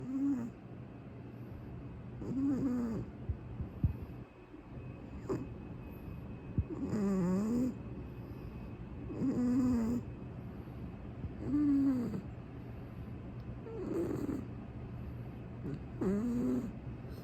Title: snores